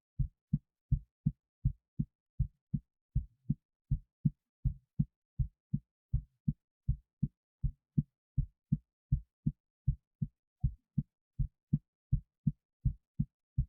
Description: First minute or so is just my normal (Excited) heartbeat.